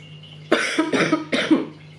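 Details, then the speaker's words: Three harsh, forceful coughs in quick succession from an adult woman with asthma and lung trouble, not covid, her asthma triggered into coughing. "so i was coughing a lot exactly just like that and then you know in public it's not socially acceptable to be coughing because people look at you like spreading diseases and you know"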